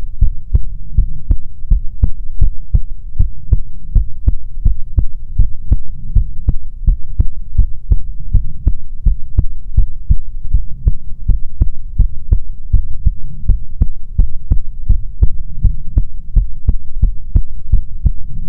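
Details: ASMR recording of soothing heartbeats: steady, strong low thumps at about 85 beats a minute over a faint hum; normal heartbeat.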